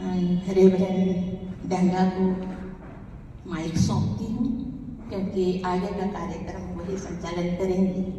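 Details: Adult woman speaking into a microphone; normal voice.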